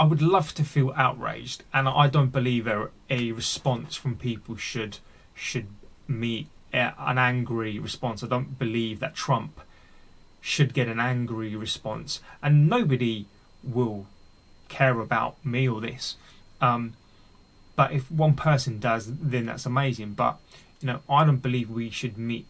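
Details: Real, unedited speech of an adult man with a daily stammer that has affected his mental health; stuttering (stammering).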